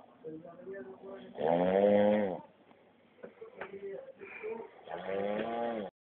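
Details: Adult man snoring: loud, rattling, vibrating snores alternating with quieter noisy breathing in a small room.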